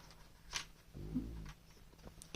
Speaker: hear my stomach rumbling from the fajitas. Trying so hard not to breathe into the mic.